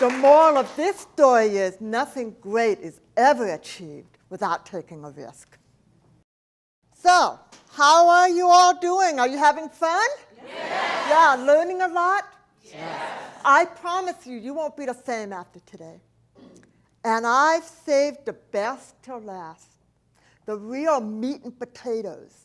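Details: Adult woman, profoundly hearing-impaired since age four, when a 106-degree fever destroyed about two-thirds of her hearing; she describes a speech impediment, not an accent; deaf speech.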